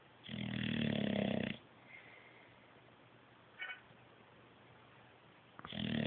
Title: Awake and snoring